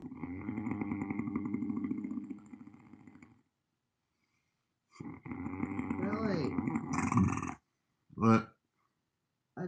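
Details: Person sleeping and sleep-talking with gurgling snoring sounds.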